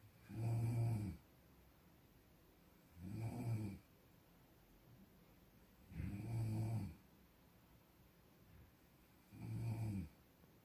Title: 코고는 소리 - Sound of snoring